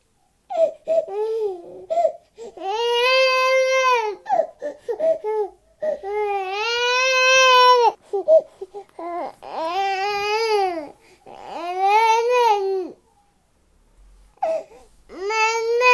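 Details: 10-month-old baby crying, recorded with a Tascam DR-22WL portable recorder: long, loud wails broken by short gasping breaths and whimpers in a small room.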